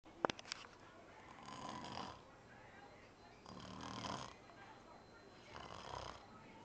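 Soft, rough breathing noises repeat about every two seconds, after a couple of brief clicks at the start: light snoring.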